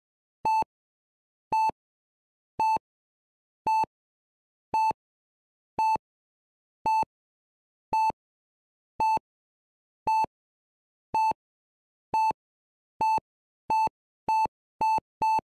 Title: Heart Monitor Beep Failure -Sound Effect (HD) [No Copyright]